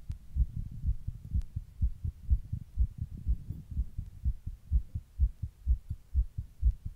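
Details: Person's own heart recorded while sitting in 100-degree heat during a heatwave: rapid, regular heartbeat at about 125 beats a minute, tachycardia (fast heartbeat).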